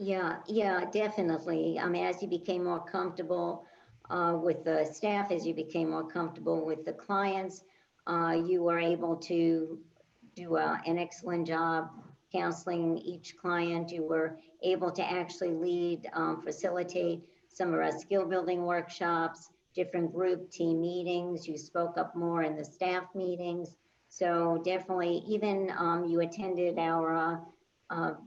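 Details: Adult woman speaking; fluent conversational speech.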